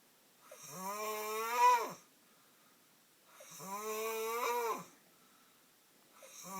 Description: My brother snoring like a monster. He was shot in the face with Nike flip-flops but it did't help.